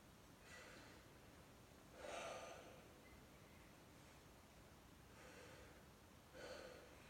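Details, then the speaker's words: Male patient taking slow, deep breaths in and out through the mouth during a lung and thorax assessment, while the examiner auscultates with the stethoscope diaphragm in a ladder pattern; normal breath sounds expected. "As I hear him, I'm going to have him take a deep breath, but with his mouth, and breathe out with his mouth."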